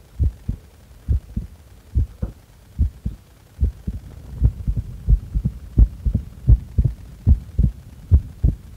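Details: Heart sounds recorded during breath-holding, after inhaling and after exhaling: a clear, regular lub-dub at about 70 beats a minute with no breath noise; normal heart sounds.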